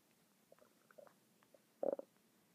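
Quiet gurgles and short bubbling squeaks, then a louder burble; ordinary stomach rumbling from gas and fluid moving through the gut.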